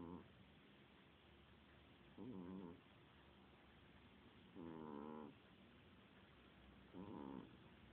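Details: Cat snoring: regular buzzing, vibrating breath sounds about every 2.5 seconds, roughly 25 breaths a minute, over a quiet hum.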